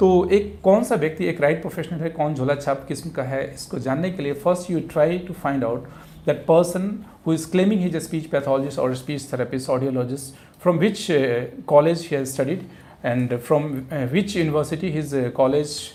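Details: Adult man speaking; normal adult male voice.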